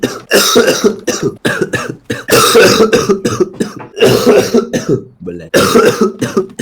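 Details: Man who coughed all evening and says coughing makes him feel as if his eyes bulge out: repeated loud, harsh coughs in close bursts with brief pauses between runs, a persistent coughing spell.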